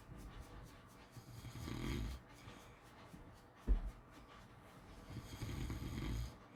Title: Snoring sleeping sounds